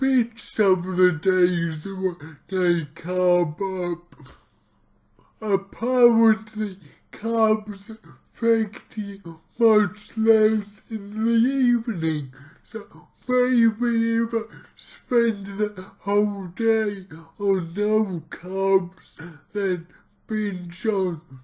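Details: Dysarthria from cerebral palsy in an adult male speaking about his own condition, heavily distorted speech, while trying a keto diet to see its effect on his cerebral palsy.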